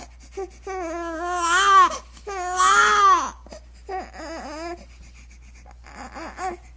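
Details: Infant crying.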